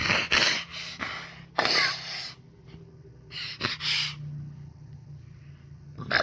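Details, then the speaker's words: Laryngectomy patient (neck breather, tongue cancer history) coughing through his neck stoma, with breathy, hissing bursts and a wet, airy rush of air and soft mucus; he says it is a normal laryngectomy cough, not illness. "That's a normal laryngectomy class. Has nothing to do with being sick. Of soft mucus phlegm in my lungs and throat that wants to come out."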